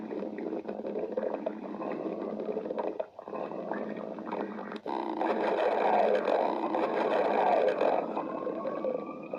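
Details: Stomach growling (borborygmi).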